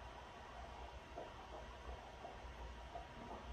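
Rapid rhythmic whooshing pulses, about 170 a minute, of a fetal heartbeat over an ultrasound speaker.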